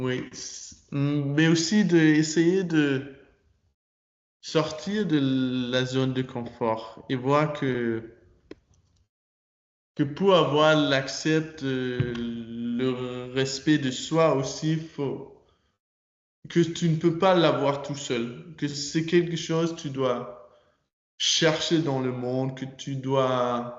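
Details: Person who stutters, active in the stuttering community, speaking French as a non-native speaker in an interview; stuttering.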